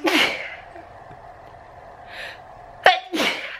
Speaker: I'm having a sneezing attack, guys.